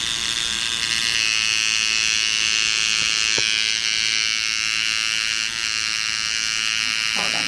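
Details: Steady high-pitched electric buzz, like a tattoo machine, from a microneedling pen run over facial skin with hyaluronic acid for glide. This was a first treatment for acne scars and pores.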